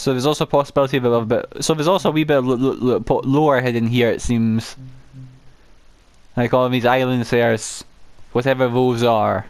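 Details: Adult male gameplay narrator who says he has a stammer he cannot control, particularly on words starting with m and w; repeated words audible; stuttering.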